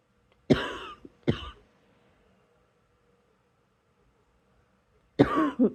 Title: # 155 it's a quiet good night cough but I still need to get this lil thing out xox